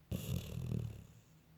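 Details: Sleeping female puppy snoring softly while running in her dreams: a single low, rumbling breath noise.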